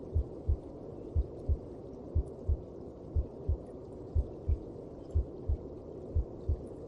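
Regular double thuds, roughly 60 per minute, muffled beneath a soft continuous rushing hum, as a mother's heartbeat sounds from within the womb.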